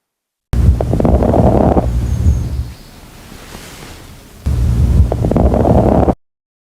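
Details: Clinical skills demonstration of lung auscultation using the stethoscope bell, moving symmetrically and listening at the axilla on the side of the chest: soft rushing airflow with rubbing noise; normal vesicular breath sounds.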